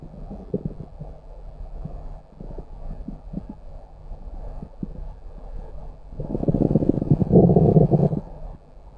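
Low gurgling rumbles with bubbling pops, building to a louder growl near the end; ordinary stomach growling.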